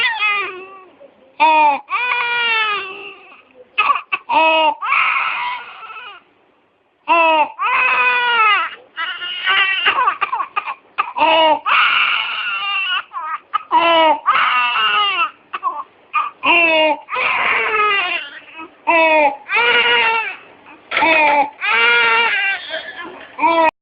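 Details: A young child with croup (pseudocroup) cries in bursts, with harsh, high-pitched noisy breaths between cries; inspiratory stridor.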